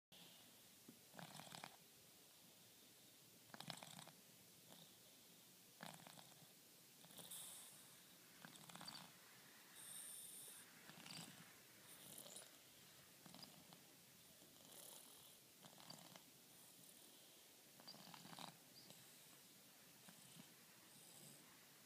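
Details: Soft, repeated snoring breaths about every one to two seconds against steady room hiss; quiet, rhythmic snoring.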